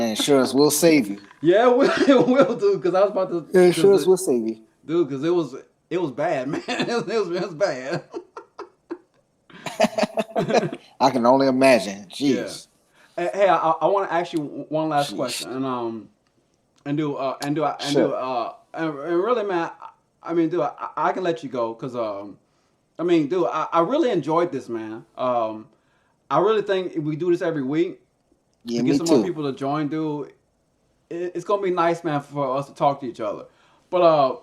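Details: Man who stutters and uses a SpeechEasy device, a Bluetooth earpiece with a phone app that plays his own voice back; stuttering.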